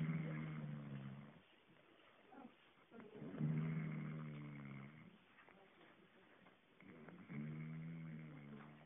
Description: Sisters boyfriend don't believe he snores so we got proof!